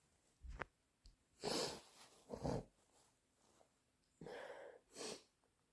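Quiet sniffs followed by several bursting sneezes and a blow through the nose, with thick nasal congestion.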